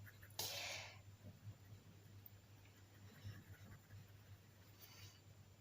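A single sharp, hissing sneeze from a child in the background, followed by quiet room noise.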